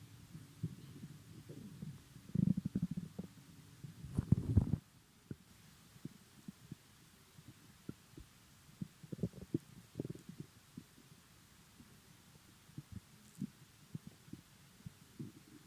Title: My empty stomach rumbling in the morning